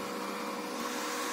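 Steady mechanical whir and airflow hiss with a faint tone; a non-invasive ventilator running in test mode on a test lung.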